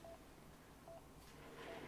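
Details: Efficia DFM100 defibrillator demonstration, switching into synchronized cardioversion mode (blue light, sync symbol on screen): short electronic beeps repeating in a quiet room.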